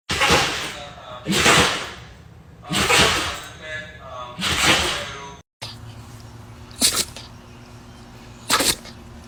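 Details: Young dog (puppy) indoors: a sneezing fit, a run of four forceful sneezes, then two sharper ones after a pause.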